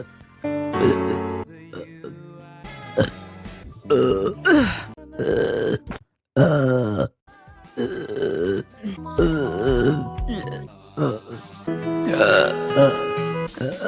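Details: Female livestreamer, compilation of long, loud, groaning burps over background music; repeated belching.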